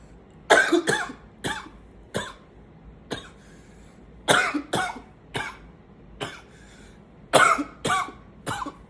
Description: in this video, i groan a little bit in between coughing fits to show how much the coughing is tiring me.